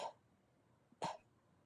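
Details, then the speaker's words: Two short, sharp coughs from a dog, about a second apart, in a quiet room. "no big deal, but actually the soft quiet cough is more serious than the loud hacking gagging kind of thing that they do that sounds like kennel cough."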